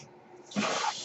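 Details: Brief airy whoosh after quiet room tone as the male podcaster's own ventilator pushes a breath, heard in the background as he speaks; mechanical ventilator sound.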